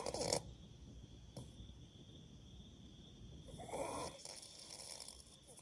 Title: My crazy snoring🤪 #snoring